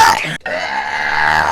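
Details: Loud, drawn-out, low rumbling belches with a brief break between them, after drinking hot chocolate with marshmallows and sprinkles: burping.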